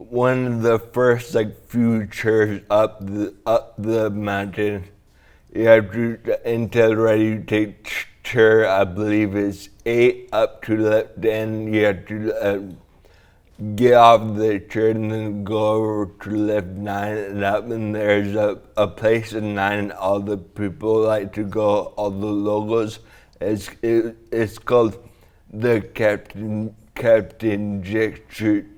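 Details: Man with dysarthria (slurred speech) after a traumatic brain injury from a snowboarding crash into a tree; damage around the brainstem and cerebellum; 1.5-month coma, then therapy to relearn talking, walking and swallowing; walks with a walker.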